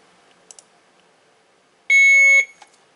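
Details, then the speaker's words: Hospira Alaris infusion pump PC unit during preventive maintenance software testing: a single loud, clear half-second beep amid faint clicks, the speaker audio test, which passed; infusion pump audio test beep. "It's asking if I can hear that beep, which I can so we're going to say yes, that passed."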